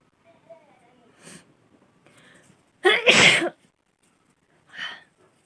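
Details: Woman doing a sneezing challenge: a single loud, sharp sneeze, with quiet breathy sounds before and a softer sound after.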